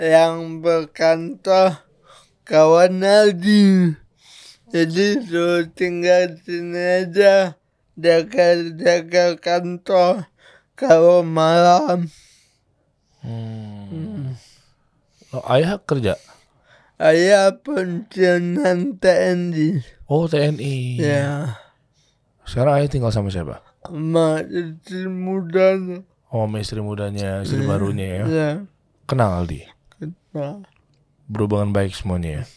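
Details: Adult man born in 1987 with severe cerebral palsy from birth, attributed to a birth injury during a breech delivery; he could not walk until age 9; speech possible but unclear; dysarthria (cerebral palsy).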